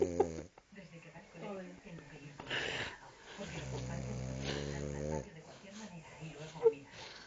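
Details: A deeply asleep female French bulldog, paws twitching, snores in a run of rough, humming snores, including one long drawn-out tonal snore, with quiet snuffling in between.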